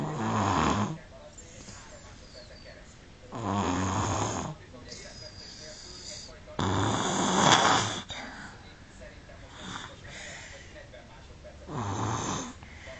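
Four loud, rough snores in 13 seconds, about 18 a minute, with quiet breathing between them.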